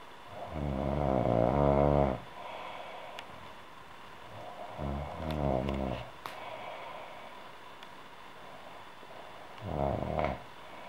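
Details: Female human snoring: loud, rattling, rough breathing noises recurring every few seconds with quiet gaps between them.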